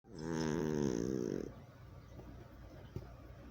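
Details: Sleeping cat snoring: one long, rattling, droning snore followed by softer noisy breathing.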